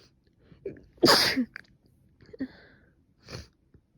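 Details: Woman sneezing repeatedly after waking in the morning, then nose stuffed up: a quick breath in, one loud, sharp sneeze burst, followed by softer breaths and a small sniff.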